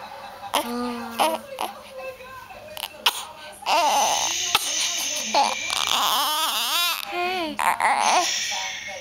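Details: Fussy male infant, tired of his hiccups, builds into rising, wavering crying wails with adult talk in the background; the caregiver wonders if he is hungry; infant cry.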